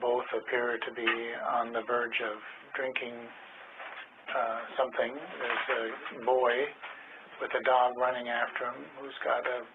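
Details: Example recording of a picture description task presented as a different language disorder associated with cognitive impairment; language disorder with cognitive impairment.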